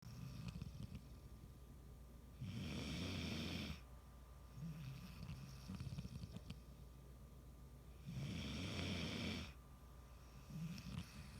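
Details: Snoring.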